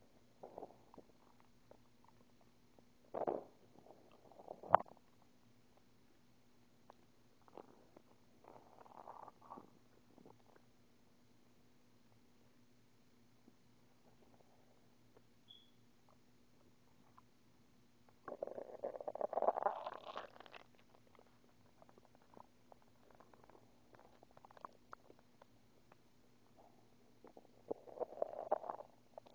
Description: My stomach is vrey hungery i just woke up and I had no bredfest hope you enjoey